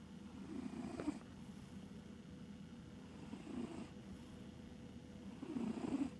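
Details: Sleeping cat snoring: soft, rough, fluttering breath sounds that come and go, close to a purr.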